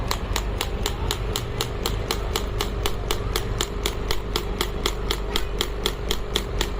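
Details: Pneumatic shockwave therapy handpiece firing rapid regular sharp taps, about four a second, over a low compressor rumble, after pressing start; pressure settable up to 10 bar.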